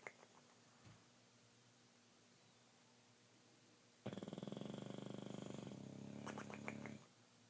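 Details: Snoring while in bed: after a quiet pause, one long rattling, fluttering snore lasting about three seconds.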